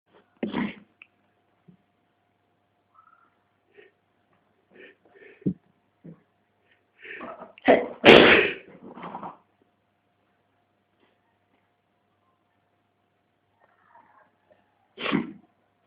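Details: Adult male, others nearby, trying but failing to hold back sneezes: a few short, suppressed bursts, one loud explosive sneeze near the middle, then a final burst; sneezing fit.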